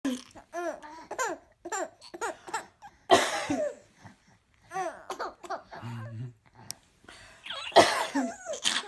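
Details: Mother coughing while her infant twins laugh: two loud adult coughs, each followed by bursts of delighted infant laughter and babbling; cough.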